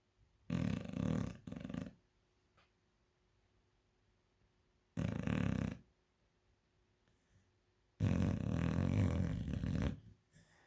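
Three loud, deep, rattling snores several seconds apart, each about a second or longer, with quiet pauses between. Dog snoring.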